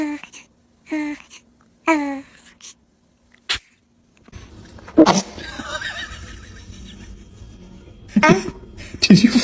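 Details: Baby sneezing: short high infant vocal sounds, then a brief sneeze-like burst, with adult laughter and talk over room noise; an ordinary infant sneeze.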